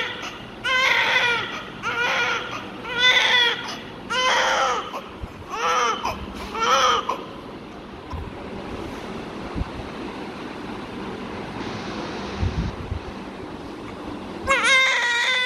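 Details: Newborn crying, thought to be from gas, in repeated wailing bursts, then a quiet stretch with background noise before crying resumes.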